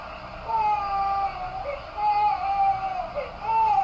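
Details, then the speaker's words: About 5.5-month-old baby girl crying alone in her crib on day one of sleep training: rising and falling cry in bursts with brief pauses and little whimpers, in a quiet room. "yeah she just did the little whimper she probably gonna start her again with her yeah i guess she's just chilling for now let's see if she starts back again"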